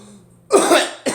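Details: Adult coughing amid talk of flu, flu shots and bringing things up; one harsh, loud cough burst followed by the start of a second.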